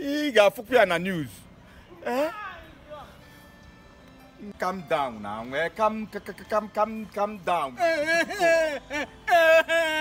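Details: Male character in a comedy skit portraying a stammerer; stuttering (acted).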